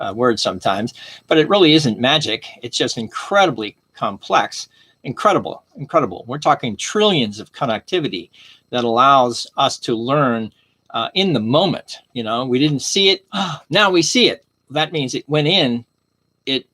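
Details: Adult man with aphasia after stroke, attending an aphasia conversation group and having had speech therapy; word-finding slips and self-corrections. Finding: aphasia.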